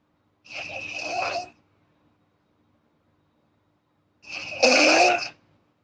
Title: snoring girl asmr4